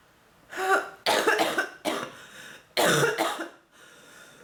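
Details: Woman with bronchitis having coughing fits: four harsh, forceful coughs in quick succession, then a breath.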